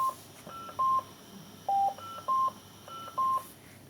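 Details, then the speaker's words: Oxivent Oxi 4 Plus transport ventilator in an emergency department staff training: repeating sequence of electronic alarm tones in a quiet room, triggered by no test lung being connected, then silenced with the alarm-mute button. "Balonumuz olmadığı için cihazımız birazdan alarm vermeye başlayacak. Dursun şöyle. Alarm verdi. Bu alarm susturma."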